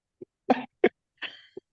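A short run of three harsh, dry coughs with faint catches before and after, from a persistent chronic cough.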